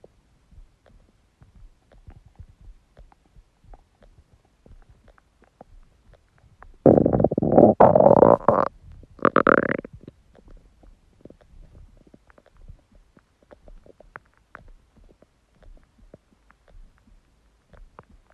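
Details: Empty stomach growling: faint gurgles, then a loud drawn-out growl lasting a few seconds; ordinary hunger borborygmi.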